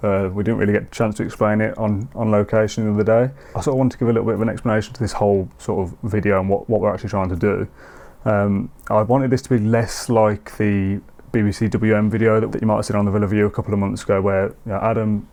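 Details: Adult male speaker; typical speech.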